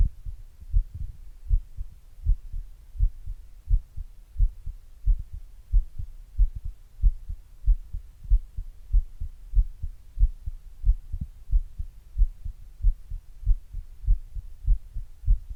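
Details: Own heart at rest before exercise, recorded with an earbud microphone and a glass: muffled, steady, regular heartbeat about 90 per minute.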